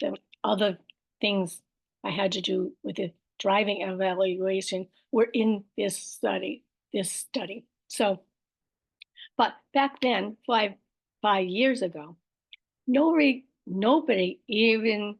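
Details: Adult woman with aphasia, apraxia of speech and dysarthria after a stroke, speaking with word-finding errors, repetitions and self-corrections; aphasia with apraxia of speech and dysarthria.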